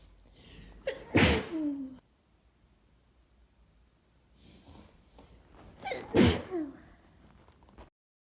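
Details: Person with tree pollen allergy, recorded in the morning during an itchy, wet sneezing fit of small multiple 'choo' sneezes with hardly any warning; two forceful wet 'choo' sneezes, each after a quick intake of breath.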